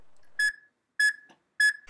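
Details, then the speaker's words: Heart rate monitor beeps from an EKG recording via a Heart and Brain SpikerShield on a man after jogging, heart rate up from a 70–80 baseline to 120–130 bpm: three evenly spaced electronic beeps about 0.6 seconds apart. "As expected, his heart rate has increased from a baseline of 70 to 80 beats per minute to 120 to 130 beats per minute."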